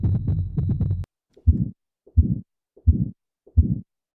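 Regular heartbeat about 86 a minute, each beat followed by a rough, drawn-out noise: a heart murmur from a diseased valve.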